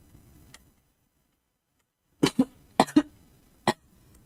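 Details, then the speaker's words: Girl live-streaming with a persistent cough she wonders may be vocal cord nodules: a burst of about five dry coughs in close succession after a quiet pause, small quiet room. "아 진짜 미쳐버리겠네. 아 아니 기침이 너무 나오네."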